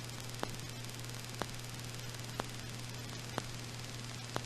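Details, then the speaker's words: Needle EMG in a patient with an implanted pacemaker: brief sharp ticks at a steady rate of about one per second, roughly 60 per minute, over hiss and hum; pacemaker potential, not to be mistaken for fibrillation potentials. "It's a pacemaker potential. Basically, if a patient has an implanted pacemaker, you can pick up the discharge of the pacemaker, and it's usually somewhere between 60 and 70 cycles."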